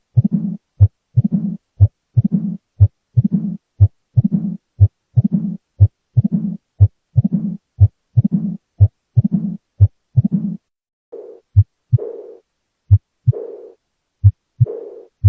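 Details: Heart murmur: steady heartbeat near 60 a minute with a harsh whooshing murmur between the beats, then a softer whoosh after them.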